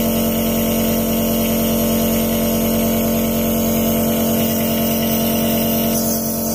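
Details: Steady loud motor hum with a fast rattling pulse; a nebulizer compressor running just after being switched on at the machine and then the plug.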